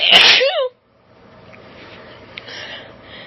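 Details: Female, allergic sneezing recorded on a cellphone: one loud, sharp, forceful uncovered sneeze with a brief vocal tail, then quiet room noise.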